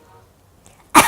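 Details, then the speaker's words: Deliberately acted "batuk nyinyir": after near silence, one abrupt, forceful cough burst, a voluntary social cough signalling disapproval, not a sign of illness. "Yang kedua, batuk nyinyir. Ini yang harus kamu peka banget nih. Karena kalau misalnya ada orang tiba-tiba yang batuk nyinyir, wah ada yang salah nih antara kamu sama dia."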